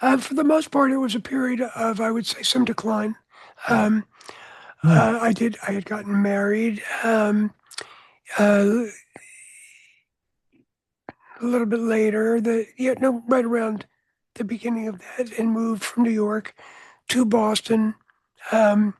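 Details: Adult man whose voice was altered by throat cancer, treated with surgery, radiation and two years of experimental chemotherapy, with no recurrence since: voice change after throat cancer treatment.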